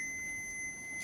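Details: Steady, continuous high-pitched electronic tone over low room noise from a BPL DF 2509 monophasic defibrillator during an ICU operation demonstration.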